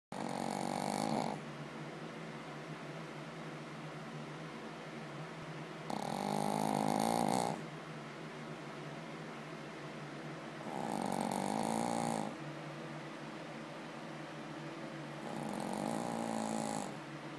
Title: Mister snores! And snores and snores...